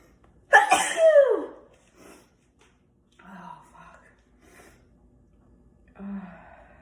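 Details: Single ordinary sneeze: a loud, explosive sneeze with a drawn-in breath before it, followed by quieter murmured sounds.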